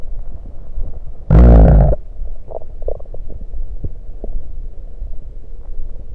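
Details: Adult's stomach recorded while drinking soda: a loud bubbling gurgle followed by softer rumbles as swallowed soda flows in; bowel sounds (stomach gurgling).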